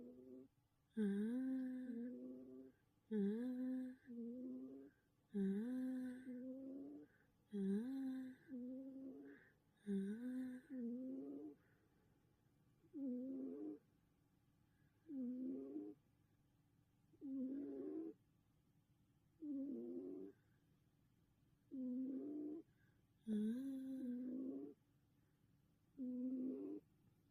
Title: 코곪(cat snoring)